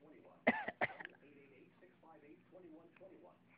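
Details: A young child, called a very cold baby, gives two short, sharp cough bursts followed by soft vocal sounds; described as a bad cough, though a wet, chesty quality cannot be confirmed.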